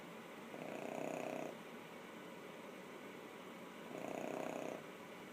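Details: Snoring: a sleeping animal, apparently dreaming, gives two soft, fluttering snores on its in-breaths at about 18 breaths a minute.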